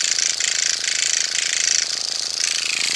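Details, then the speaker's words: Motorized microneedling pen on a woman over 50's own face, needle depth increased to 0.75 over an incision: steady fast high-pitched buzzing with rapid rhythmic pulsing. "on the incision I'm going to increase the needle that I'm going to give it a point seven five I'm really gonna work that over there"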